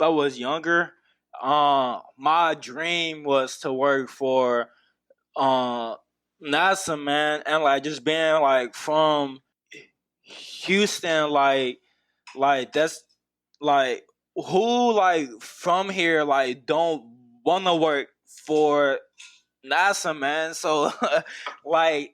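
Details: Adult man who stutters, a university graduate, speaking in a podcast interview; stuttering.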